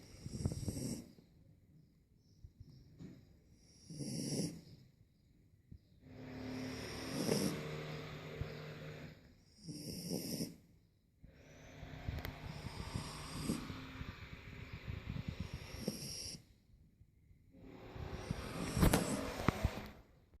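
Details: Loud, rough, rattling snores in uneven bursts, some long and drawn out, with brief quiet gaps, from a 3-month-old asleep; snoring.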